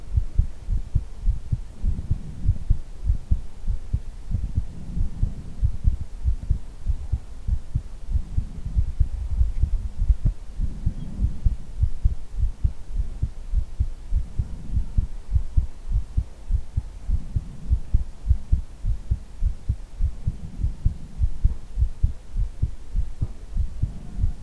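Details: Steady low heartbeat thumps at roughly 100 a minute with a soft hum and slow swelling rumble behind, from an ASMR head-hugging recording with ear blowing: normal heartbeat.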